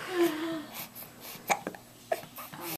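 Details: Hiccups, the first ones caught on recording, from a young subject filmed at home.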